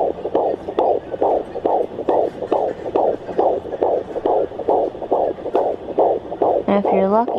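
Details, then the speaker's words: Rapid, regular whooshing beats about 140 a minute with a brief tonal squeak at the end: fetal heartbeat at 16 weeks of pregnancy on a home Doppler low on the mother's abdomen. "sometimes you can hear them like kick the doppler or a swoosh when like he or she moves or sometimes i'll be in the exact same spot and like also in the heartbeat will go away"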